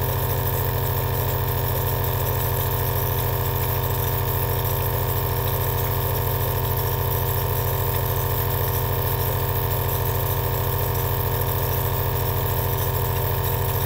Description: 2H of relaxing ASMR Aerosol nebulizer sound V2